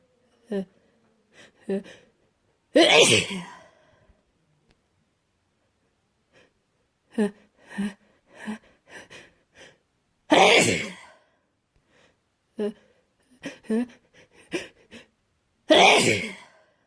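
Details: Person with a cold, sick and sneezing: three loud sneezes, each preceded by short catching inhalations, with quieter gasping breaths between them.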